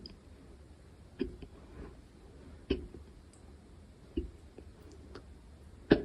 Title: Hiccups 🤍